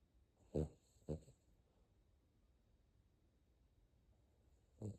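A sleeping puppy gives short, fluttering nasal snorts, two close together and then another after a pause, against quiet room noise: snoring.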